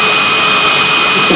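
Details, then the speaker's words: Dental drill during a medium-sized filling done under hypnotic anaesthesia instead of local anaesthetic: continuous high-pitched whine with a hissing rush while the patient is guided through hypnotic suggestions. "I just go back to the ceiling and I turn it a d down and it would be gone yeah and a couple of seconds later the drill would be gone anyway"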